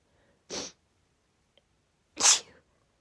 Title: sneezing fit from cold air + sniffles 🌼 (F)